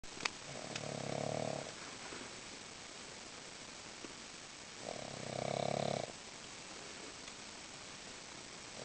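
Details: Pug dog asleep in a car after playing with other pugs: two loud, rumbling snores over steady background hum; snoring.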